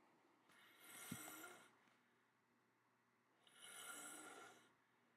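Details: Sleeping adult woman snoring: two rasping, hissy breaths about three seconds apart in a quiet room.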